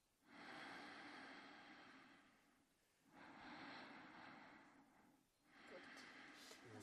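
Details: Man asleep in his bed: three slow, noisy, breathy snorts about every two and a half seconds; snoring.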